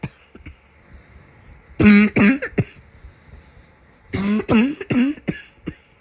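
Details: Cough from a summer cold.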